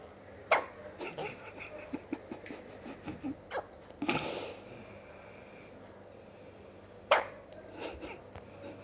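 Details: A newborn two and a half hours old gives soft, abrupt hiccup catches every few seconds amid quiet rustling: hiccups.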